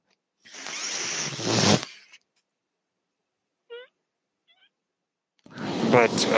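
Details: The podcast host's own mechanical ventilator, audible behind his speech as he introduces himself: mechanical ventilator noise.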